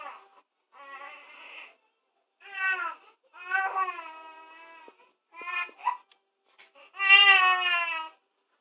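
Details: Infant crying during tummy time: fussy short bursts with whimpers between, building to a louder wail; ordinary protest crying.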